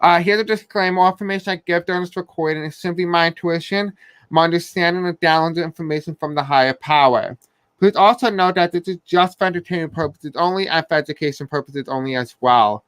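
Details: Deaf speech (speech of a deaf speaker) from an adult man who says he has a deaf accent and may have a hard time pronouncing certain words.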